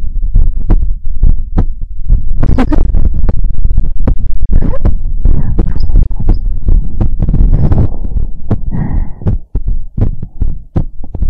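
Deep, muffled thumping beats in pairs, somewhat irregular in spacing, with faint handling noise; an amplified heartbeat.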